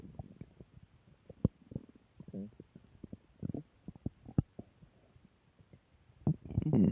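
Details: Stomach growling (borborygmi): low gurgles, pops and brief rumbling bursts from the belly, ending in a louder growl.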